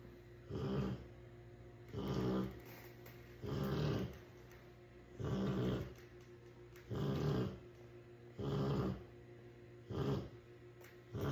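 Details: Snoring Rottweiler dog with snorts, from a pet clip.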